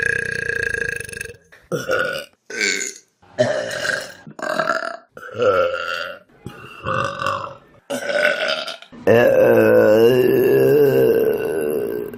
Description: The best burps on vine.